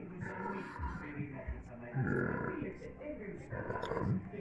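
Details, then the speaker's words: Harsh, rasping, roaring inspiratory breaths from a 12-year-old dog in respiratory distress with cyanotic tongue and open-mouth breathing, at admission: inspiratory stridor from laryngeal paralysis. "if you hear this noise in the reception of your clinic this is lingal paralysis it cannot be anything else"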